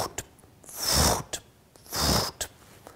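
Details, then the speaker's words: Vocal imitation of a very loud heart murmur, two long harsh whooshing rushes about a second apart, describing a young woman with chest pain, shortness of breath, fainting and racing heart. "was a very loud murmur that I could hear"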